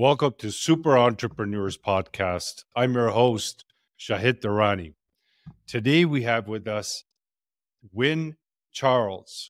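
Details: Adult male speaker; Normal speech.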